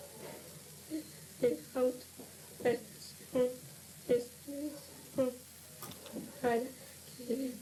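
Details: 17-year-old reading a text during initial speech-therapy evaluation, almost unintelligible with poor breathing-phonation coordination: psychogenic dysphonia.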